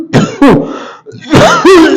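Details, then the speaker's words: Demonstration of a wheezing-type cough: four harsh, forceful cough bursts with a rattling, wheezy quality, the cough coming with a wheezing sensation inside. "इसमें basically क्या होता है घरघराहट होती है खांसी जो आएगी वह बहुत ही घरघराहट आवाज से आएगी"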